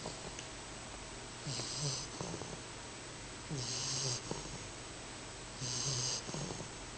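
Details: Female English Bulldog puppy, 10 weeks old, asleep: soft, whistling, snorting snores about every two seconds over a steady background hiss, with an elbow click at about 12 seconds; snoring.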